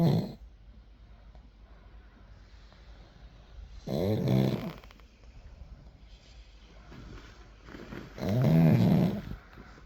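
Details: Snoring from a sleeping pug: loud rattling snores about 14 a minute, with softer snuffling breaths between.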